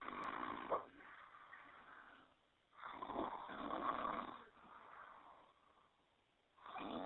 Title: Polar Bear Snoring